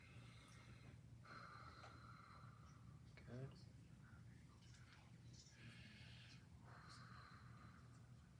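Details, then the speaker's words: Lung auscultation at the apex during a physical therapy pulmonary screening: the patient stays tall and relaxed, taking slow, deep breaths through the open mouth, faint against a steady room hum. "so I'm going to have you breathe in and out through your mouth and just stay nice and tall and relax"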